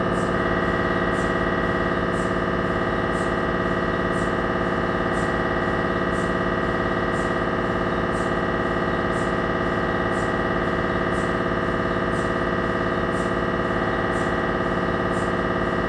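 Loud, steady, rapidly repeating electronic buzzing and knocking, about 214 pulses a minute: normal gradient noise of an MRI scanner during imaging.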